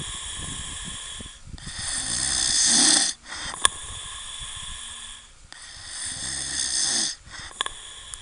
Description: Man and dog sleeping on the beach and snors terribly.